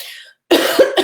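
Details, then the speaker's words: Asthmatic cough from an adult who monitors a serious chronic disease: a short, harsh cough burst in two parts. "um, Asthmatic cough. I'm cool."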